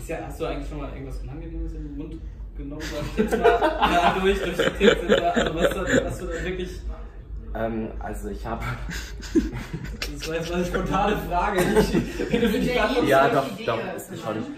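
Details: Adult speaker; speech.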